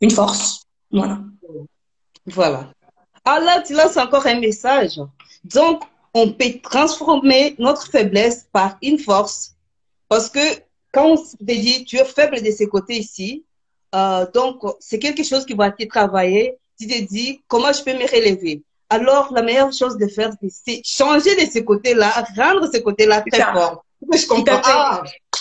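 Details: Adult woman speaking French; normal speech.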